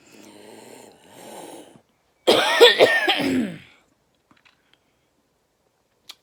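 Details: Two soft breathy sounds, then a harsh, wet cough burst over a second from a person with cancer and a recent chest infection with coughing up blood; a heavy chronic cough, wheezing noted.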